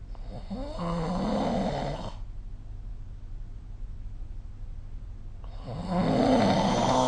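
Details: Two loud, rattling snores about three seconds apart over low room hum during sleep, recorded with the SnoreLab phone app.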